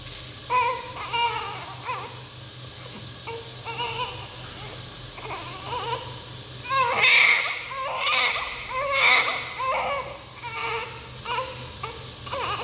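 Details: Baby's first cry just after birth: repeated strong, rising and falling newborn cries with brief pauses for breath over faint room noise; a vigorous, healthy cry.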